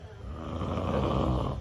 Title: My dad Snoring In￼The background￼